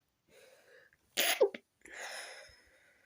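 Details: Stifled sneeze from a person with a tickly nose after leaving the windows open overnight: soft breathing, then a muffled, held-back sneeze with a small squeak and a quiet exhale.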